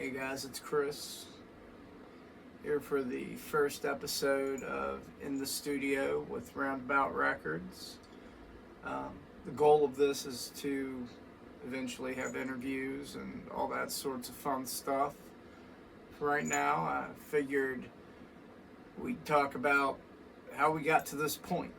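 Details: Adult man with vascular Ehlers-Danlos syndrome, which he says causes his voice change, alongside muscle overgrowth from lack of myostatin, weakened tendons and ligaments, and constant dislocations; voice change in vascular Ehlers-Danlos syndrome.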